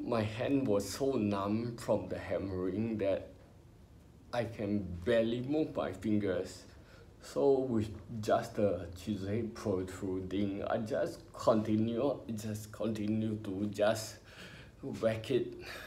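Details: Ataxic dysarthria in an adult male with spinocerebellar ataxia, diagnosed by a neurologist about 20 years earlier when he was in his twenties.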